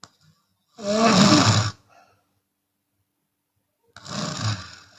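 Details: Two loud, harsh, rasping snores with a brief breath out after the first, from a Chinese woman snoring with her mouth open.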